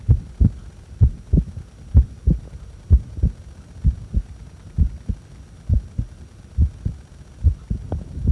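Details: Steady paired low thumps at about 64 beats a minute, recorded during breath-holds after inhaling and after exhaling; ordinary heart sounds.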